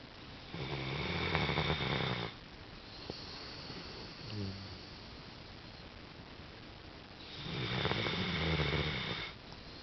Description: Our little girl snores like a trooper.